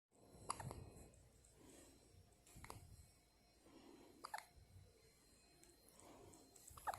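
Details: One-day-old newborn baby asleep with hiccups: faint quiet breathing broken by brief soft hiccup clicks every couple of seconds.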